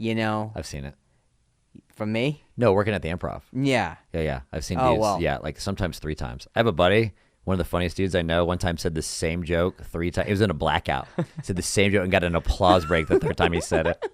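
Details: Adult male speakers in conversation; normal speech.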